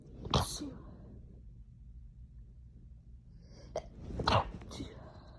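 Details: Two quick sneezes a few seconds apart with a quiet pause between, deliberately induced after a nose itch while lying in bed; low room noise behind.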